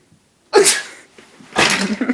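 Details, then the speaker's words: Man announces he has to sneeze, then one loud, explosive sneeze followed by a second forceful burst; ordinary sneezing. "Yes, 2009. I gotta sneeze. I gotta sneeze."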